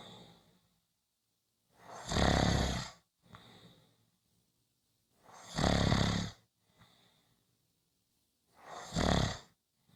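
Three loud, rough snores on inhaling, about every 3.5 seconds, with quiet breaths out between them: ordinary snoring.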